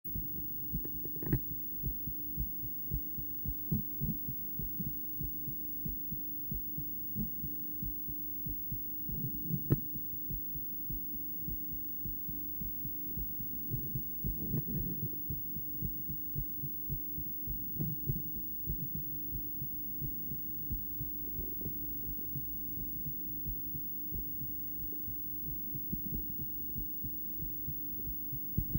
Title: Female heart, ultrasonic view, heartbeat sound